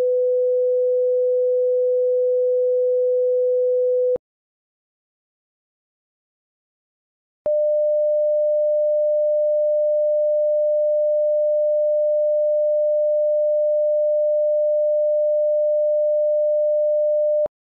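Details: Simulated pure tone hearing test in an ASMR cranial nerve exam roleplay: two steady pure tones, a lower one for about four seconds, then a pause and a slightly higher one for ten seconds.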